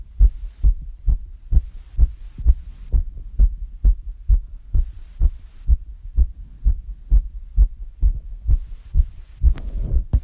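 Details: Fast heartbeat after exercise (going up and down stairs): rapid, regular low heart thumps at about 130 beats a minute.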